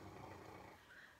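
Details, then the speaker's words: Female pet dog snoring while asleep in a room: quiet, low, rumbling snore heard faintly in the background. "And the background, I thought you were saying the background noise. My dog's snoring. I don't know if you can hear her or not. So, yeah, it's not our tummies are not rumbling for lunch. That is the dog."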